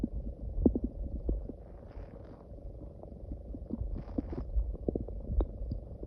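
Low rumbling growls with scattered gurgles and squeaks from the belly, ordinary stomach growling.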